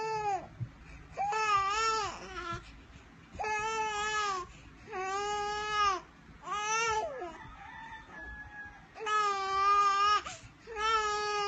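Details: Baby crying: repeated loud, tonal wails with short breaths between them; ordinary infant crying.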